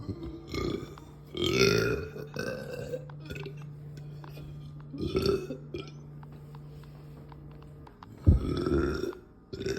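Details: Several loud, deep, drawn-out burps from a woman after lunch, with a steady low hum between them; ordinary belching.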